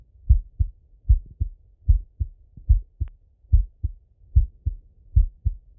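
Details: Male heart auscultated with a stethoscope, recorded partly sitting at a desk and partly lying in bed: steady lub-dub about 75 a minute, two clear sounds per beat, no added noises; normal heart sounds.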